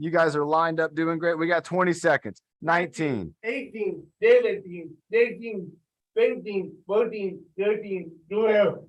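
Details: Adult male speaker, exercise instructor; typical speech.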